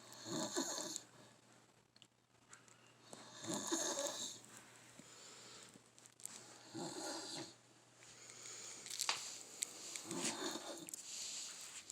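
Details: Matt snoring: rhythmic, raspy breathing noises on each breath, about 19 a minute, in a quiet room; snoring.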